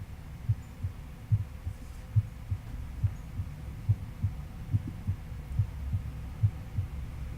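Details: Normal heart sounds in a patient lying at 30–45 degrees, stethoscope diaphragm at the tricuspid area (fourth or fifth intercostal space, left sternal edge): regular low thumping beat near 70 a minute with normal first and second sounds; S1 reflects tricuspid valve closure.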